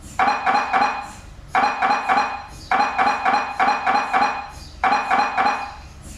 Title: mri sounds